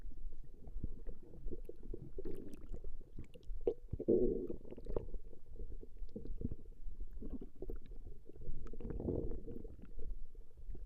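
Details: Recording of a woman's stomach growling: continuous low rumbling and gurgling from the belly, normal gut movement of gas and fluid; borborygmi.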